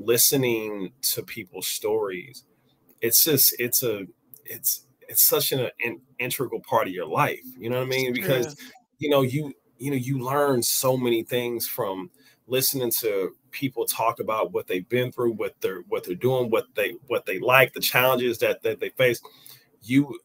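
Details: Adult man with a stutter present since age five or six, noticeable over extended conversation; this stretch has word and phrase repetitions. Stuttering.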